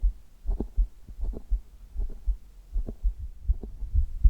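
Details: Adult's heart heard over the chest in an ASMR recording: steady soft lub-dub heartbeat at about 80 beats a minute over a low hum; normal heart sounds.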